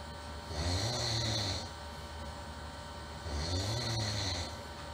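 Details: Loud, rough, rumbling human snores on successive in-breaths about three seconds apart, with quieter breathing between them: very irritating snoring.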